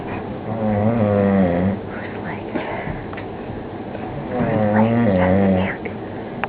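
Two loud, rough, vibrating snores on the in-breath, separated by a quieter out-breath.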